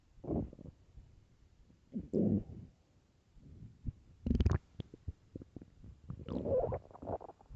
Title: extremely LOUD stomach growls and empty stomach (part 4)